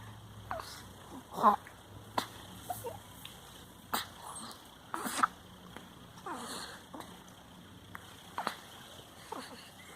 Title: Baby hiccups!